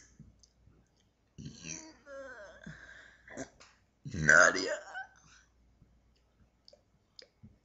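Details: Deliberate, long, croaky burps with a gurgling quality in a quiet room, some shaped into words; the person says she can burp whole sentences.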